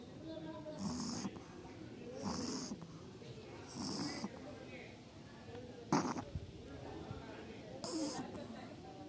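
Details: Pug snoring: slow rhythmic snoring with breathy, snorting inhalations, about five breaths over nine seconds, in a quiet room.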